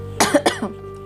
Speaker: Aduh, suaraku batuk teman-teman. karena memang lagi flu.